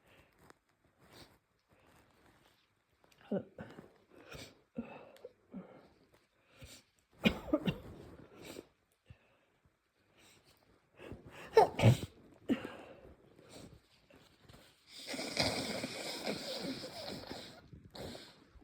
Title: Sneezing and nose blowing, developing cold or flu